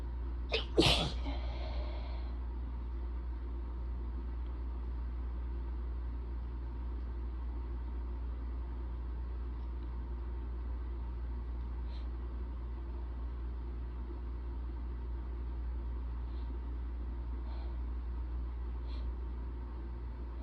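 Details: Single sharp sneeze on day 1 of a common cold, then quiet with steady room hum; the person also reports sneezes getting stuck and small coughs.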